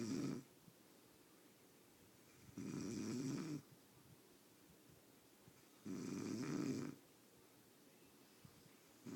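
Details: Snoring in deep sleep: three long, low, rattling snores on the in-breaths roughly every three seconds, with quiet pauses between.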